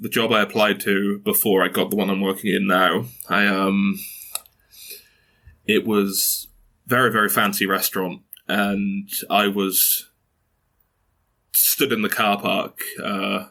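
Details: Stuttering in a 22-year-old man who has stuttered since early childhood, with blocks and repetitions; his mother also stutters.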